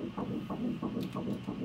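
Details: First pregnancy ultrasound at 10 weeks 2 days, a single fetus: rapid whooshing pulses from the ultrasound monitor, a fast fetal heartbeat of about 180 beats per minute.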